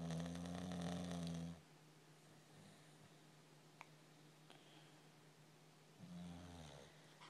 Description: My dog snoring puppy